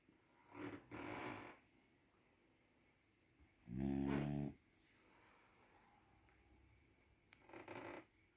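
Soft breathy exhales, then one loud rumbling snore, then another breath from a sleeping dog in a quiet room.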